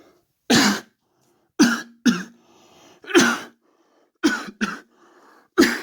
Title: Coughing